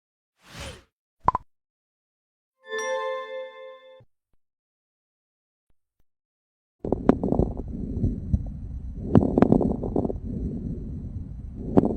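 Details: Crackles (rales crépitants) heard as lung sounds.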